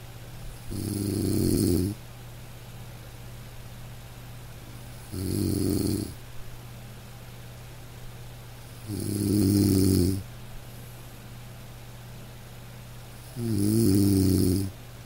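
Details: A man snoring in deep sleep: four deep, rumbling snores, about 16 a minute, evenly spaced over a steady room hum.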